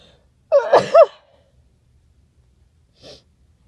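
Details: Single sharp sneeze after taking a tiny amount of chhinkni powder for a stuffy nose: quick intake, explosive burst, then a faint sniff.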